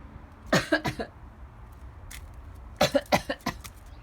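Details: Wheezing from a pet named Brownie: two runs of short, harsh, slightly whistling breath sounds.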